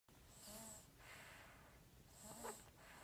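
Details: Snoozing and snoring: soft, rough snoring breaths with a faint nasal tone, each under a second, repeated over a few seconds.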